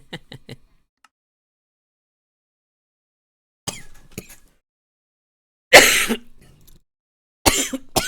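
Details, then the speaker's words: Lingering cough, possibly long Covid: a few soft throat-clearing sounds, then two harsh coughing bursts several seconds apart while the person is talking during a live stream. "sorry coughing is going to randomly happen let me turn the server off it is killing my performance"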